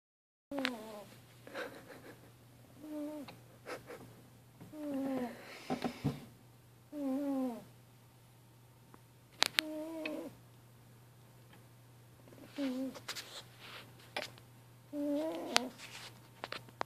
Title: Laser cat snoring